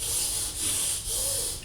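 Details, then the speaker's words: A voiced imitation by a veterinarian explaining a stethoscope to children of wet, crackly lung sounds, like lungs full of water: rough, hissing, bubbly rasping in two short bursts; simulated crackles. "so this is going to go through and I'm going to listen to your lungs and I'm going to make sure you don't sound like you're full of water"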